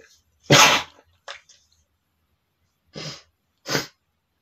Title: sneezing male #13 (NOT POWERFUL!)